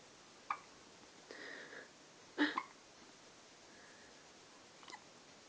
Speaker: They both have the hiccups.